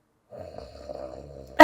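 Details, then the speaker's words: An adult man deliberately imitates snoring: a single drawn-out, low rattling snore on the in-breath ending in a sudden loud burst. Imitated snoring. "Also, I just learned he has really good fake snores, apparently."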